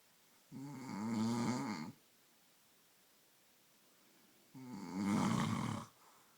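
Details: Person snoring so loudly the listener can't sleep, ongoing for about an hour: two rattling, buzzing breaths in about six seconds, each followed by a quiet pause.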